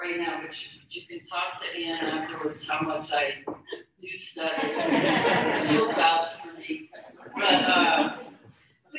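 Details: Stuttering in an adult woman, a keynote speaker at a stuttering convention, speaking about her own stuttering; stuttering.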